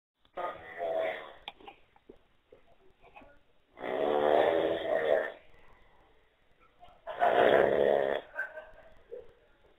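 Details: Sleeping person with terrible heavy snoring: three loud, rough, rattling snores about three seconds apart, with quieter breathing noises between them.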